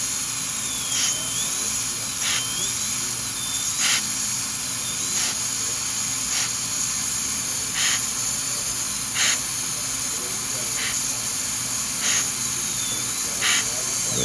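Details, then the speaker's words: High-speed dental handpiece (drill) with a small 012 bur preparing porcelain veneers on teeth #7 and #8 with lingual chamfer margins. Constant high-pitched whine with cutting bursts as it opens the embrasure; a thin enamel fin still remains. "Now if I was to stop here, I'd have a big fin of a real thin of enamel. So I can't do that yet."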